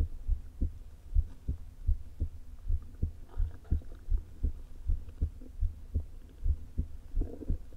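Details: Woman's heart recorded through a low-placed stethoscope: irregularly irregular beats, about 83 a minute, uneven spacing and a soft added sound, with faint stomach rumbles. Atrial fibrillation with a leaking heart valve, before open heart surgery.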